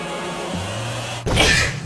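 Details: A single sneeze from a K-pop idol: a brief indrawn breath, then a sudden sharp burst of air, over background music.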